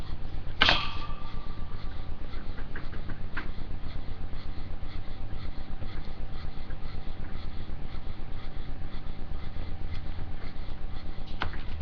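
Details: Rapid, steady panting at about 240 breaths a minute with a faint whistling wheeze running underneath.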